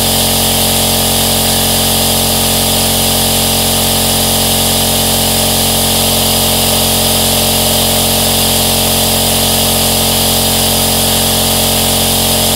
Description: Enjoy the 10-hour aerosol nebulizer sound.